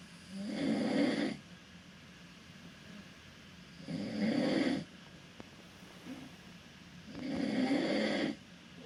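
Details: Adult man, a cabin mate on a Caribbean cruise, snoring in his sleep: three loud raspy inspiratory snores, about 17 a minute, with quiet breathing between.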